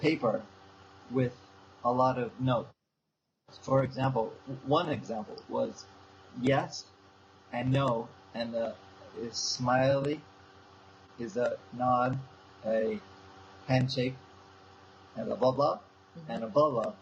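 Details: Young man with aphasia since a stroke seven years earlier, still in speech therapy, struggling to retrieve a name, repeating words and self-correcting; aphasia.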